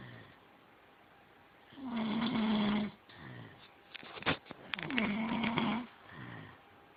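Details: Dog snoring while asleep: two loud, buzzing snores on the in-breath, each followed by a softer out-breath, with a few clicks between them.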